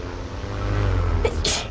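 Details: A VTuber sneezing during a game stream: a short, sharp sneeze near the end over a steady low rumble of game sound.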